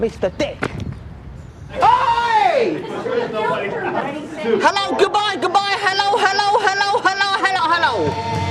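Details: Palilalia/echolalia vocal tics in an adult man with severe Tourette syndrome present for over 30 years; involuntary word repetition heard.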